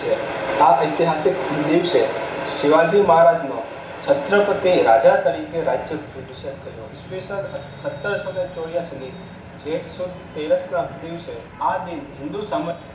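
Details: Older recording (about six months earlier) of a man who stammers, reading a Gujarati passage aloud; he reports no control at that time, including no breathing control; stuttering.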